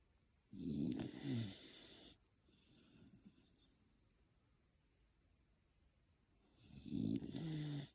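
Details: Two rough, rattling snores on the in-breath with quiet breathing between them, ordinary snoring in a sleeping dog.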